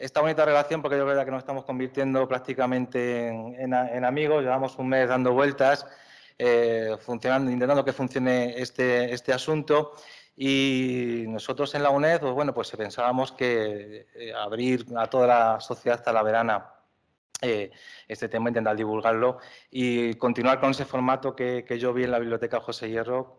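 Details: Adult man speaking Spanish; ordinary speech.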